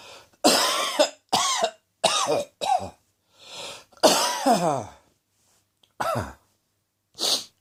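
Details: Adult with a seasonal autumn cold, cough arriving on day 3 after sneezing on day 1 and sore throat on day 2: about six loose, throaty coughs in short separate bursts, some with a rough catch.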